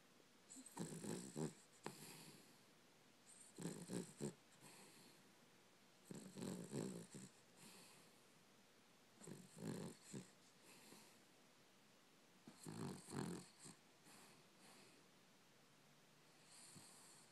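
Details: Dog snoring: soft, rattling snoring breaths in repeated clusters about every three seconds, with snorting sounds in a quiet room.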